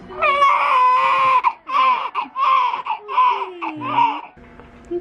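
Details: Loud, rhythmic crying in repeated bursts with pauses for breath from a newborn boy just after unmedicated hospital vaginal delivery at 39 weeks, cord cut early.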